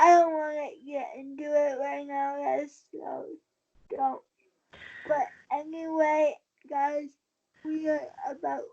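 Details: Dysarthria in a 23-year-old woman with cerebral palsy since birth after premature birth at 27 weeks. She has a more advanced form affecting the brain centre that controls balance and uses a wheelchair. She believes her prematurity affects the stability of her speaking.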